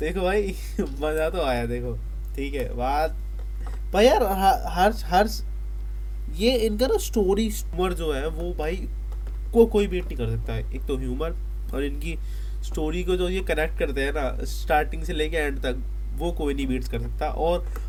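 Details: Male Hindi speaker who stammers, with repetitions; stuttering.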